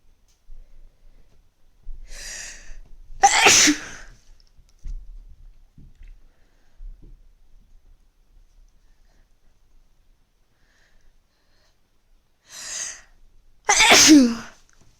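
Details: Sneezing at the onset of a cold: two sneezes, each a quick in-breath followed by a sharp explosive burst, in a quiet room.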